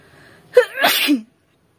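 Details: Sneezing challenge: a single sneeze, a sharp intake then a noisy burst, deliberately performed rather than natural.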